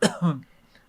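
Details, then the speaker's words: Single short, forced cough with a throaty tail, simulated as acting in a comedy sketch; the character blames mold on set for a crazy cough. ">> Oh, shoot. Your cough is back. >> Oh gosh. Um, I think there was a lot of mold. I think there's a lot of mold on set, so I just have been having a crazy cough, but I'm not going to be coughing anymore and we're going to get through this."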